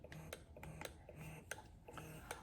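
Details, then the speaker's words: Lansinoh electric breast pump just switched on, running its fast letdown phase before switching to the milk-gathering tempo: quick, regular mechanical clicking and soft pulsing in a quiet room. "And that's about how when you turn on your pump, this is my Lancino, I just cut it on. It has a letdown process over here."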